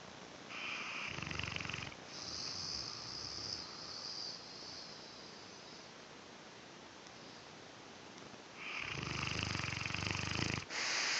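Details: Snoring during sleep: long, noisy, rasping breaths with a purr-like flutter and a quiet pause between them.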